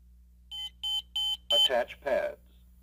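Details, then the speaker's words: ZOLL M Series defibrillator switched on gives four short high beeps, the last overlapped by a voice prompt, indicating it passed its power-on self-test. "set the selector switch to on the unit will beep four times to indicate that it has passed the power-on self-test"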